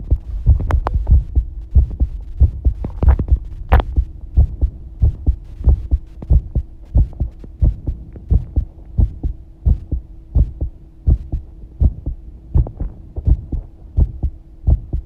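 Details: Regular low thumping heartbeats recorded while bathing, at roughly 90 a minute (approximate) over a steady hum; ordinary heart sounds.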